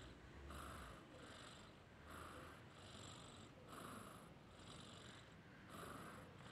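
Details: Sleeping cat: soft, hissing snores in steady rhythm about every 1.7 seconds (around 35 per minute) over faint hum; snoring.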